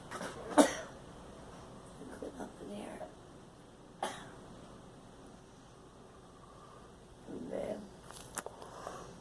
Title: Girl coughing